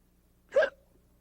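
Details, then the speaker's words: Acted hiccup by the two-headed monster puppet characters in a 1978 Sesame Street children's TV sketch: a single sharp, voiced hiccup against a quiet background. "No more hiccup! No more hiccup! Yeah! No more hiccup!"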